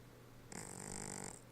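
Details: Loud snoring: a single steady, buzzing snore lasting under a second, with a hissing airy edge, over quiet room noise.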